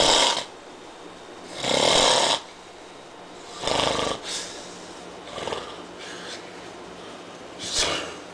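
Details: Loud, rough adult snoring in about five noisy bursts with uneven gaps, small room; man passed out drunk on a couch around 4:30 a.m. after a long day of heavy drinking.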